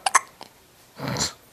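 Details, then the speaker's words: Hiccups: two quick, sharp hiccup sounds in close succession, then a faint catch and a breathy exhale. "has the hiccups."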